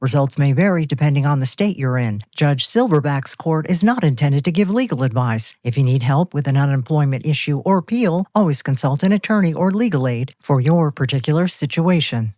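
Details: Adult male speaker; normal speech.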